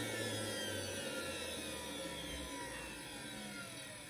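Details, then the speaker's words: Steady, loud rushing roar of a vacuum forming machine run a few seconds, drawing softened plastic down onto a dental model to make whitening trays. "I only turn the vacuum on through a few seconds because it doesn't take very long you'll actually see the material get sucked down on to your model"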